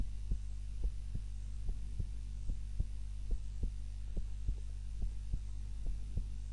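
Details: Normal heart sounds during an afternoon nap, self-recorded on a timer while lying on the back (usually prone): regular soft low thumps at about 70 beats a minute over a steady hum.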